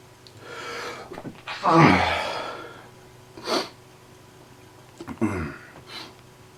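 Sharp inhaled gasps followed by forceful voiced bursts, with one loud sneeze and softer repeats: repeated allergic sneezing.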